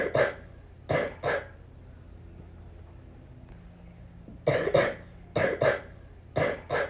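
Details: Little girl with the flu gives about nine harsh, forceful coughs in short clusters with quiet pauses; cough due to influenza.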